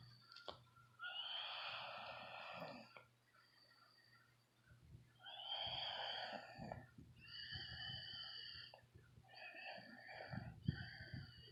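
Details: Man snoring during sleep: repeated loud, harsh rattling, snorting breaths separated by quieter pauses.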